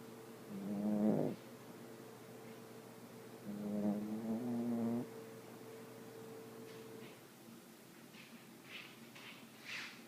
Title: My baby dog when she sleep she snoring